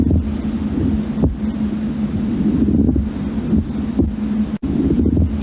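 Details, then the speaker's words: Pleural friction rub in a teaching example, synchronous with inspiration and lessening when the patient breathes more shallowly: a low, rough grating chest sound with recurring scratchy bursts. "además habíamos dicho que es sincrónico con su inspiración"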